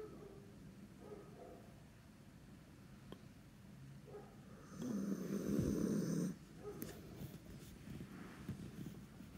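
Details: Sleeping dog snoring: a single rough snore over a noisy background, with soft breathing and faint snuffling around it.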